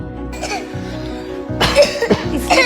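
Over steady background music, an adult gives a few short, forceful coughs in quick succession, acted rather than spontaneous; a plain cough.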